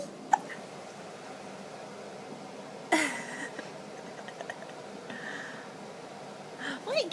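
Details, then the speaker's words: Short, sharp hiccups a few seconds apart from an infant in a quiet room, ordinary infant hiccups. "What you got? He can't speak very much because of the hiccups."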